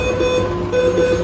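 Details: Steady electronic alarm tones and constant machine hum from ICU equipment around a critically ill patient described as in last-stage gasping condition, on a ventilator with two backup ventilators attached.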